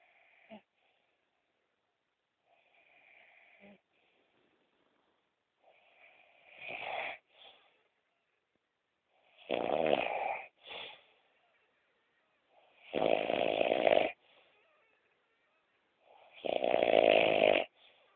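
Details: Adult woman (partner) snoring during sleep: rhythmic, rattling snores on each breath, building in loudness over several cycles.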